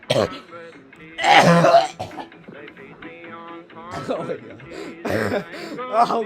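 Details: Adult man playing a video game gives a short run of harsh throat-clearing coughs with vocal sounds between them, over background game music; cough.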